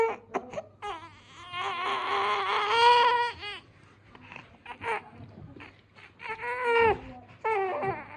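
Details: 51-day-old baby girl crying: rhythmic, tonal wailing cries with breaths between them; a typical infant cry.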